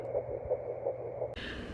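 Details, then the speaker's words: Fetal heartbeat at 7 weeks 5 days of a second pregnancy, found on a home Doppler: fast, regular whooshing pulses at about 170 a minute, a normal early fetal heartbeat. "The other thing that's exciting is I found the baby's heartbeat on the doppler, and so I actually found it at like 7 weeks 5 days."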